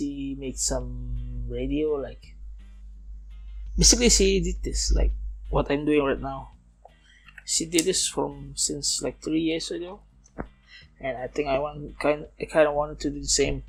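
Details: Man aged nearly 31, a non-native English speaker, who says he still stutters and that it is audible in this recording; stuttering.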